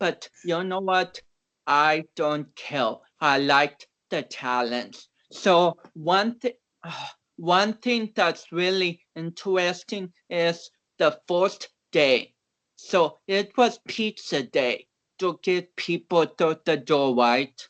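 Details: Mild dysarthria in a man of about 29 with cerebral palsy, an athlete and powerlifter whom doctors had not expected to walk or talk.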